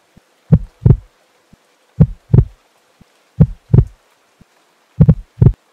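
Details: Slow, steady heartbeat with clear paired lub-dub thumps at about 40 beats a minute.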